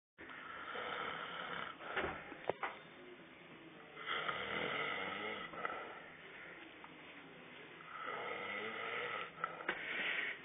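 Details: Adult man asleep on a sofa after heavy drinking: long, harsh, rasping snores on each in-breath, repeating roughly every four seconds; steady snoring.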